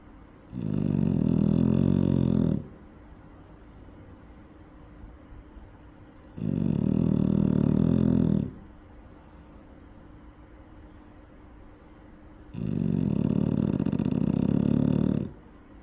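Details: Loud snoring from an eight-month-old dog sleeping near a safety barrier: three long, deep, rumbling snores about six seconds apart, near 10 breaths a minute.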